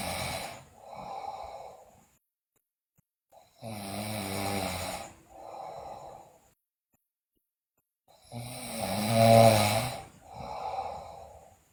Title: Sleeping Girl Loudly Snore, Bruxism, Delirious